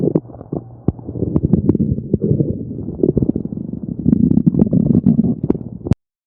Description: I decided to record the noises my belly makes when I'm hungry. I get good stomach growling sounds and other interesting tummy noises.